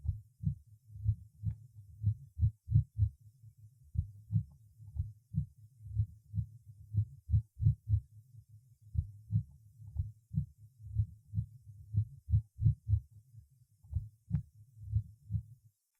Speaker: нарушения ритма сердца при экстрасистолии на фоне правильного ритма слышны одиночные преждевременные сокращения сердца после которых следует компенсаторная пауза